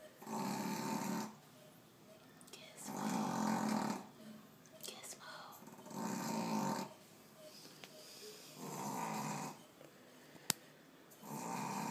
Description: This is my 3 month Boston Terrier that we recently found out snores like no other!!